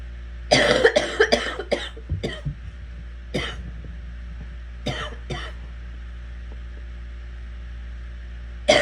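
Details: Girl coughing: a run of about eight harsh, loose coughs in quick bursts, then quieter single coughs, over a steady room hum.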